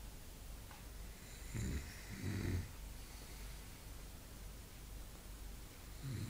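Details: Two soft, low snorting snores over steady background hiss, then the start of another; snoring.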